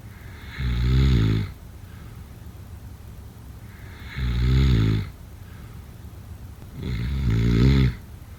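Three loud, deep vibrating snores at about 19 a minute, with quiet breathing in between; heavy snoring.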